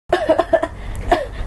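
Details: Adult gives an acted cough, a quick run of about five short, voiced coughs and then one more after a pause, in a skit about being fed garlic as a cough remedy.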